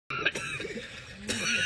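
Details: Coughing by a person eating level-50 spicy chicken with chili powder and sauce; cough provoked by very spicy food.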